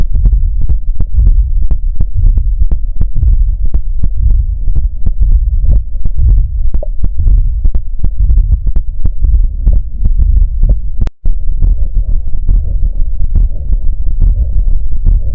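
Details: Steady heart sounds with a soft diastolic murmur, a sign of cardiac pathology, over a constant electrical hum.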